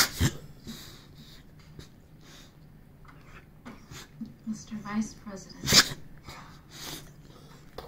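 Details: Sneezing from a female Boxer dog while playing: two sharp explosive bursts with sniffing between them, quiet room sounds and background talk; her nose keeps tickling and she makes funny faces.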